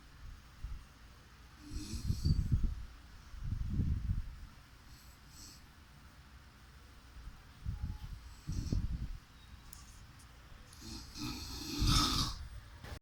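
Several low rumbling snore bursts on the breaths, spaced a couple of seconds apart, with hissy breath noise between them; snoring.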